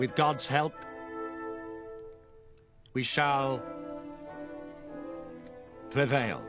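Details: Acted stammer: actor portraying King George VI delivering a wartime radio speech in a film; stuttering (acted).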